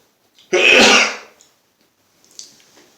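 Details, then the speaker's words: Man who has been sneezing non-stop all day since the morning: a single loud, explosive sneeze followed by a soft breath and faint sniff; sneeze. "I've been sneezing all day and I thought hey I would take a video of it because it's like non-stop"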